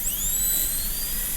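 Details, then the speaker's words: High-speed dental drill cutting a Class II 30MO preparation on a lower-arch typodont (model tooth) during a demonstration, continuous high-pitched whine with rising tone over low rumble, extending into buccal, lingual and distobuccal grooves, checking wall depth equals burr height. "So now I just want to make sure that all the walls are the same height as the burr."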